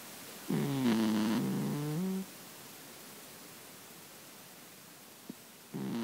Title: The gentle sounds of sleep - Russian Blue Cat Snoring